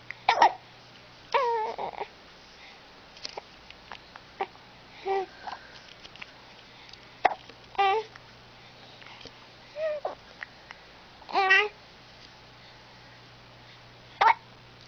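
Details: Young girl with a big smile and the hiccups: babbling with repeated short, abrupt voiced catches every couple of seconds over a steady background hum; hiccups.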